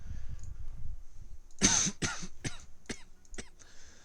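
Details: Adult man with a cough he attributes to allergies, while talking during a game session: a run of about five short, harsh dry coughs over background rumble, the first strongest.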